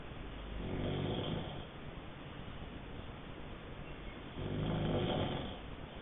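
Two slow, rough, rattling snores on breathing in, about 4 seconds apart, over steady background noise.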